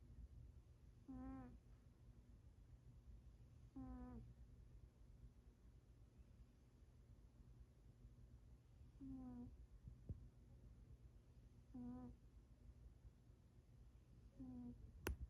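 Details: Freddy the cat snoring while asleep, like a squeaky toy: brief high squeaky tones recur every few seconds over a low steady rumble.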